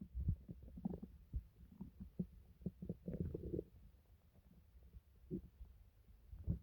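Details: A person's own stomach making quiet, irregular low gurgles and squelches as gas and fluid move: ordinary bowel sounds (borborygmi).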